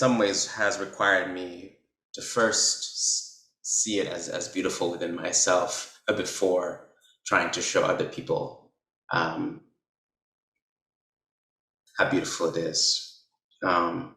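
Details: Man who describes himself as a person who stutters, with silent blocks on his own name where his mouth is open and no sound comes out; stuttering.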